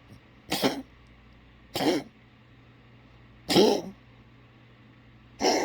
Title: cough @